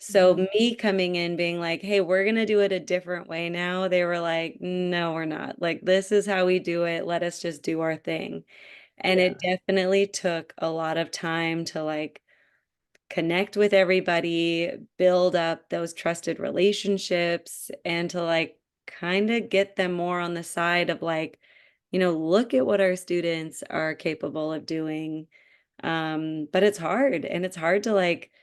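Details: Adult woman speaking; ordinary speech.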